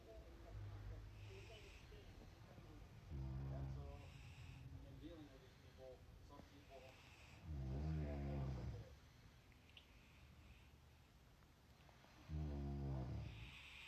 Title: 2 Hours of This? #husbandwife #snoring